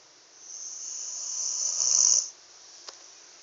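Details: Sleeping after being tired out by last night's storm: a single high-pitched, whistling breath building over about two seconds; a thin, hissing snore.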